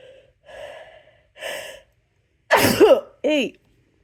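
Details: Two breathy build-up inhalations, then a loud explosive sneeze and a short voiced follow-up sneeze, during a count of sneezes within one minute.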